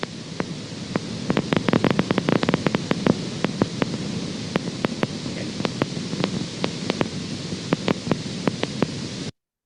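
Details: Needle EMG speaker: needle in the endplate zone; EMG endplate spikes.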